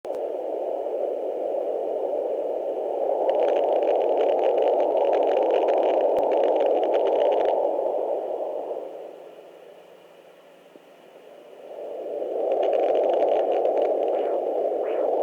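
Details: Loud, steady, windy whooshing on a home fetal Doppler that fades and returns, with faint crackling static over it.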